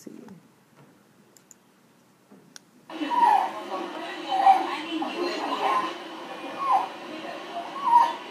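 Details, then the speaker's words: Pediatric EMT assessment: an infant breathing rapidly at about 50 a minute with a high-pitched squeaky noise mostly on inhalation and visible retractions. This is stridor from throat swelling that goes with croup. "so again it's that noise mostly on the inhale as um something some swelling in the throat that goes along with C"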